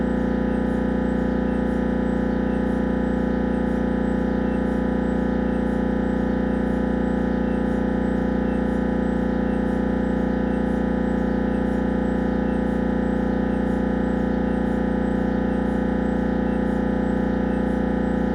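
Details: Siemens Magnetom Avanto MRI head scan: steady loud buzzing hum with rapid regular knocking pulses, about 160 a minute; MRI scanner noise.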